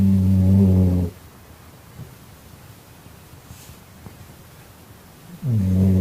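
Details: Loud, deep, buzzing snores from a sleeping dog, about four seconds apart with quiet between; ordinary snoring.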